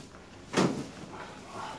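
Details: A single dull thud with a brief pop during a side-lying lower-back adjustment of a young man with shoulder-blade pain, sacroiliac misalignment and compensating restricted lumbar spine; joint cavitation of the lumbar or sacroiliac region.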